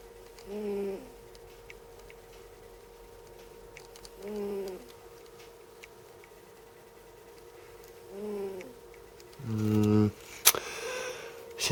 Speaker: hello Hammerheads before we go any further listen to my cat snoring